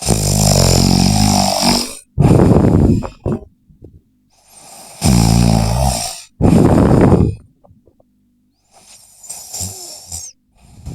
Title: When they say they don't snore. Play on full volume